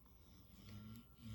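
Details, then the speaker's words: Low, rumbling snore, a brief fragment of a single breath, from a 14-year-old female dog sleeping on a couch beside the camera in a quiet room: snoring. "you'll hear my dog snore four she's sleeping on the couch right by the camera five six and she's 14 so she can do what she wants"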